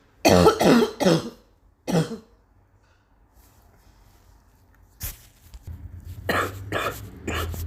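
An adult gives repeated harsh coughs in short clusters, separated by brief quiet pauses.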